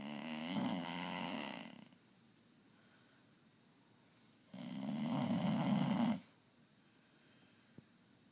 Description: My Pit mix rescue pup, Ray snoring after a hike at Zuma Canyon in Malibu😂